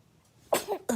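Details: Infant sneezing: one small, quick baby sneeze, then a brief soft sound as another burst starts; an ordinary baby sneeze.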